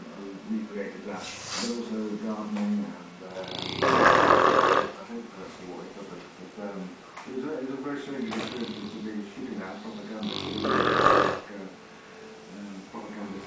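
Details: English mastiff, 14 months old, snoring while asleep: slow rumbling breaths with loud noisy snorts about every seven seconds, roughly nine a minute, rumbling the floor.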